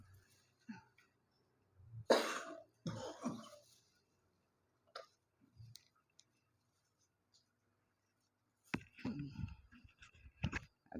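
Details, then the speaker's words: Several harsh, throaty, wet, congested cough bursts with throat clearing, about three main coughs, in a quiet room, from a man with cough and runny nose during a spice-smoke therapy session. "Dia mempunyai keluhan batuk dan pilek semoga lendir-lendir yang ada dalam tubuh bisa disembuhkan oleh Allah dengan perantaraan kita"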